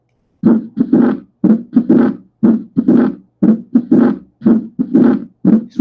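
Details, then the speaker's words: Murmur heard at the pulmonary focus, from pulmonary valve regurgitation secondary to pulmonary hypertension in mitral stenosis: Graham Steell murmur. "conforme incrementa la hipertensión pulmonar va a generar que nuestra válvula pulmonar se afecte produciendo una insuficiencia pulmonar y al soplo que se genera secundario a hipertensión"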